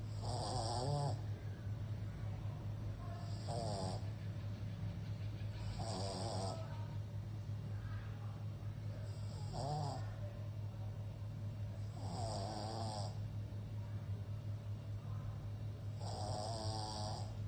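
Rattling, buzzy snores about every three seconds, roughly 20 a minute, over a steady low hum; loud snoring typical of a flat-faced dog.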